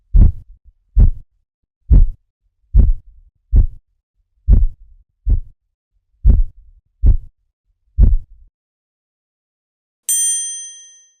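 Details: Ten regular low thumps at about 70 a minute heard during a blood pressure measurement; Korotkoff sounds.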